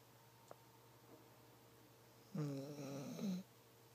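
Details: Loud snoring in a sleeping dog, nightly per owner: one low, rattling snore lasting about a second against quiet room noise.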